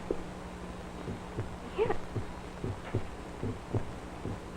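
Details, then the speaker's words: Amplified regular paired lub-dub heartbeat at about 75 a minute; normal heart sounds. "so you're actually hearing a heartbeat now yeah just for this this is basically how a stethoscope Works only it's much more refined a"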